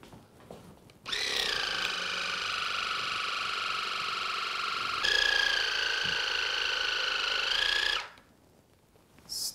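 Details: Steady buzzing motor hum with a rapid pulsing stream for about seven seconds, then it stops: a Waterpik with Bionix attachment flushing the blocked left ear canal, around the third wash, wax still not clearing.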